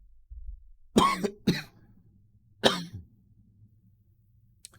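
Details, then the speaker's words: Three short, sharp cough bursts from an adult in quick succession, then quiet with a faint low room hum: a plain, brief cough. "guys hear that cough I love that"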